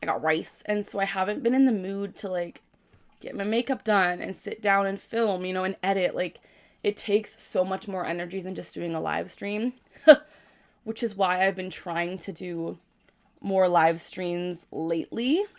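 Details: 24-year-old woman with Tourette syndrome, tics since about age 3 and diagnosed at 12, with phrase and syllable vocal tics plus motor and dystonic tics; vocal tic (Tourette syndrome).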